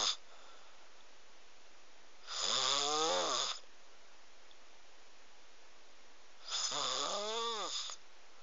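Two loud, buzzing, rising snores on the in-breaths, several seconds apart, with quiet pauses between.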